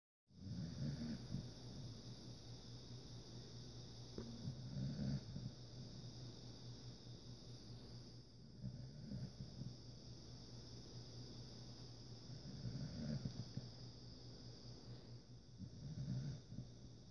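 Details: Soft, low, rattling snores about every four seconds, roughly 15 breaths a minute, over steady background hiss; snoring.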